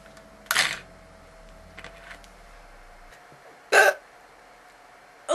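Two sudden, sharp, brief bursts about three seconds apart in a quiet room, fitting hiccups.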